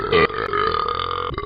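A single long, loud, voiced burp lasting over a second; ordinary belching.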